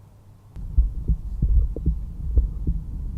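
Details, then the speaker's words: Normal heart sounds heard with a stethoscope at the pulmonic area, second intercostal space left of the sternal border, over the pulmonary valve. "The second place we're going to listen to is the pulmonic valve area, which is located on the second intercostal space left of the sternal border. This area corresponds to the pulmonary valve."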